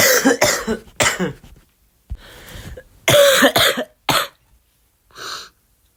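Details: Cough due to influenza: bursts of harsh, dry coughing, about seven coughs in two runs, with a throat clear at the end.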